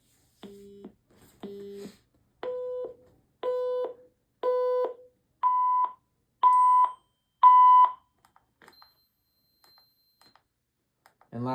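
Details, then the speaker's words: Cardiac monitor audio test during its weekly operational test: eight beeps, one per second, rising in pitch from low to high. "The audio test. Test the audio."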